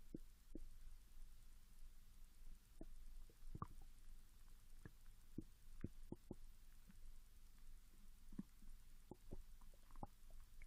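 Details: Japanese female after 16 hours without food, growling after drinking mineral water, recorded with the device placed directly near the stomach: irregular gurgles and brief squeaky growls; hunger borborygmi.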